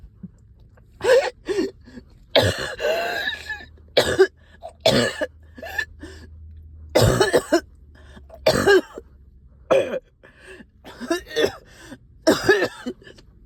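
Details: Productive cough in a person up all night with a heavy chest and headache: about ten loose, wet coughs with throat clearing, bringing up stubborn sticky phlegm.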